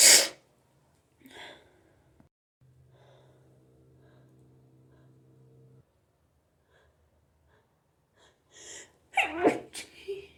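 A loud sneeze, then a quiet pause and a burst of several rapid sneezes with sharp inhalations; repeated sneezing typical of a hay fever attack.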